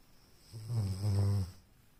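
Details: Low, buzzing snore on an in-breath from a sleeping dog, tagged as a Labrador retriever puppy: snoring.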